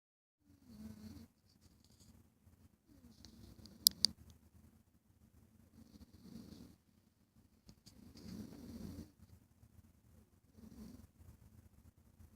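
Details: Sleeping cat recorded on a low-quality phone: soft, rhythmic rumbling breaths every two to three seconds, around 25 a minute, with a couple of sharp clicks; gentle snoring.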